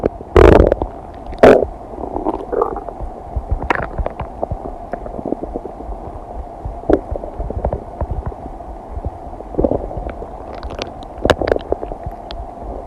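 Irregular gurgles and rumbles with a few louder squelching bursts; ordinary bowel sounds of digestion.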